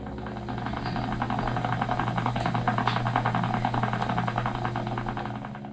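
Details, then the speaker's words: Needle electromyography motor unit activity heard as snap, crackle and pop while the patient makes small, specific voluntary muscle contractions during an EMG study assessing nerve pinch points along a limb. "And we take a listen, literally a listen. You two can hear the snap, crackle and pop of your own electricity"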